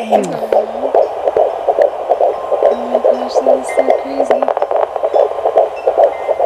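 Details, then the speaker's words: Fetal heartbeat on Doppler at 16 weeks of pregnancy: rapid, regular whooshing pulses at about 143 beats a minute. "wow that's beautiful beautiful wow that heartbeat's pumping"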